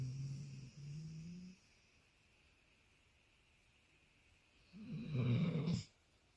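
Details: Labradoodle dog deeply asleep in a relaxed pose, giving low rumbling snores on two breaths with a whiny sleep-talking noise on the second; dog snoring.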